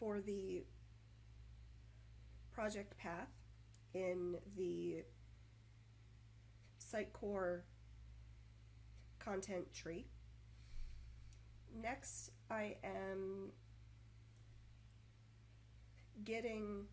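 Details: Adult woman who stutters, usually moderately; 2014 recording made when her stutter was more severe and uncontrollable as a side effect of prednisone taken for health problems, with blocks, repetitions and pausing; stuttering.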